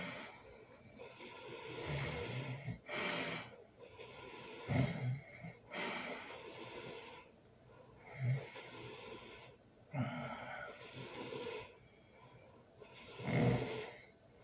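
Noisy, hissing breaths broken by short snorting bursts, about 12 a minute. Irregular snoring during sleep.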